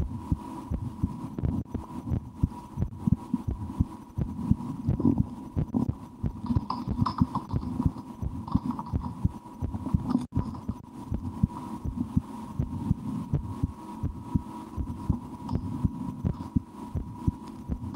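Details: Steady low heartbeat thumps heard through a stethoscope on the speaker's own chest, with constant electrical hum and scratchy contact noise; she holds her breath at times and tries to speed her heart up; heartbeat.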